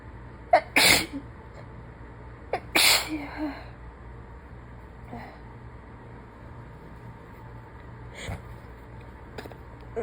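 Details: Woman who is sick: two sharp, wet sneezes in quick succession, each led by a short in-breath, then quieter sniffs against steady room hum; sneezing.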